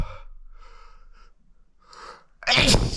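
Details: Sneeze from a male with a runny nose since the weather turned cold: a few quick building inhalations, then one forceful, wet, explosive sneeze with spray.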